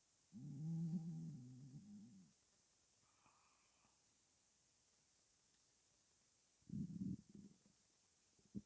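Two low, drawn-out growling rumbles separated by quiet, consistent with ordinary stomach rumbling.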